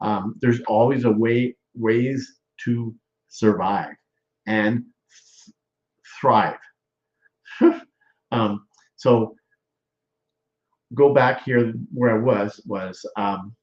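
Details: Aphasia after stroke in a male stroke survivor, with word-finding difficulty; aphasia.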